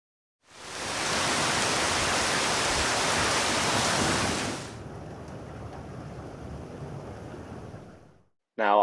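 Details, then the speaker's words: Simulated high-frequency hearing loss from a hearing-simulator web application: a loud, hissing, rain-like audio clip abruptly turns duller and quieter as the treble is filtered away. "in this first example I'm going to show you how we could recreate high frequency hearing loss"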